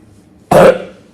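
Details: A single short harsh cough or throat clear from an adult diabetic man on an insulin device, who has been unwell and says excuse me afterward.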